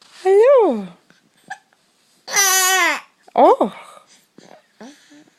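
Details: Child hiccuping: babbling vocal sounds cut by short sharp catches of breath.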